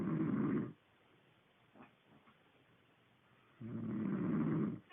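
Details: A person snoring: two rough, rumbling snores about three and a half seconds apart, with quiet breathing between them.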